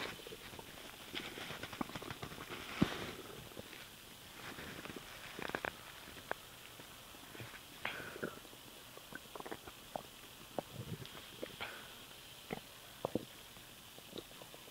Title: STOMACH NOISE WHEN SWALOWING AIR